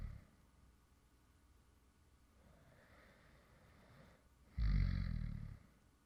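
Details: Quiet breathing, then one short, loud, low rumbling snore near the end, recorded from a male creator who fell asleep while recording a previous video; real light snoring during sleep.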